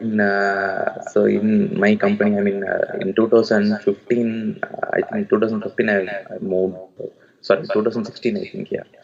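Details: Adult male with puberphonia (previously high-pitched, female-like voice, sometimes dual voice), speaking after voice therapy; pre-therapy recording 4 Nov 2020; voice now reported stable; normal male pitch restored; puberphonia after voice therapy.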